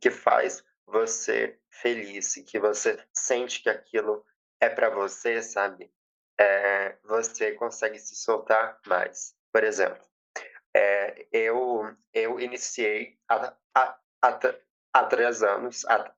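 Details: 20-year-old woman who has stuttered since age 7; past speech therapy; says emotions and nervousness intensify it; real speech showing stuttering.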